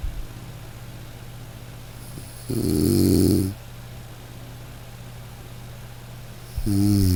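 Steady low rumbling with one loud, coarse snore burst on breathing in and another starting at the end; ordinary snoring.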